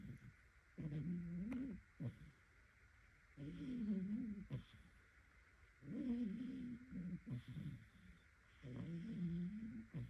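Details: A sleeping pet cat snoring with rumbling, fluttering snores on each breath, about 24 a minute, with quiet pauses between them; the owner asks whether other cats snore like this.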